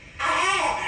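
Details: Night camera recording around 2:43 of an infant waking, apparently hungry and later fed: after a brief quiet moment, a single loud wailing cry rising and falling in pitch; infant crying.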